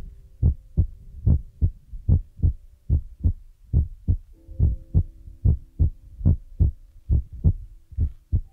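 Regular paired low thumps at about 70 a minute, a steady heartbeat, with a faint tone in the background.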